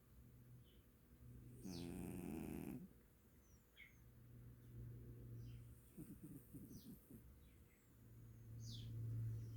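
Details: Low, rumbling snores from a sleeping dog, with louder snorting bursts among steady throaty breaths; faint bird-like chirps in background. Snoring.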